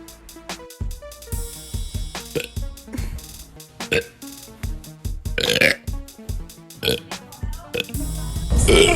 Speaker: here's a video of my pretty girlfriend burping